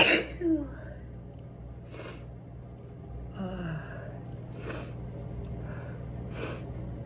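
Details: A loud sneeze at the start, then several softer sneeze-like bursts over a low steady room hum; a collection of ordinary adult sneezes taken from phone recordings.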